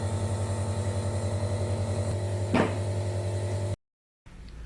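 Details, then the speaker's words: Compressor nebulizer treating a cat with flu (feline herpes virus suspected), nasal bleeding despite 5 days of injections: steady buzzing mechanical hum, one brief rustle, then a cut and quieter room sound. Nebulizer running. "Injection मैं 5 दिन से इन्हें लगा रही हूँ, लेकिन उसके बाद भी फिर भी ब्लीडिंग हो रही है, तो अब नेबुलाइज़र इसलिए ख़रीदा है मैंने।"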